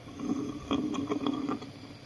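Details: Stridor from central airway obstruction in a patient with lung cancer and a hard, right-sided neck swelling enlarging over months: noisy breathing from the obstructed airway.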